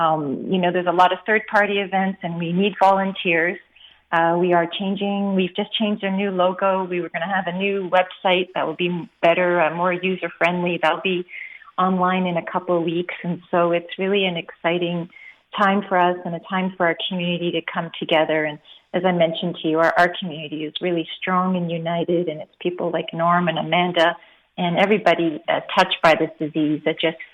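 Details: Adult woman speaking; typical speech.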